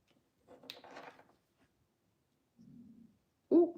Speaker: Oh, I hope y'all can't hear my stomach growling like this. Lord have mercy.